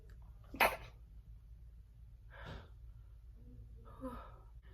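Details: One sharp sneeze burst, then two softer, stifled sneezes with breathy exhalations in a quiet room: big sneezes mixed with stifled sneezes.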